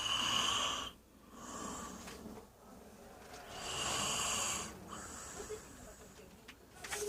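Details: Two long, harsh, hissing breaths a few seconds apart with a rattling, whistly edge from a sister snoring loudly, described as snoring like a pig; room noise between them; snoring.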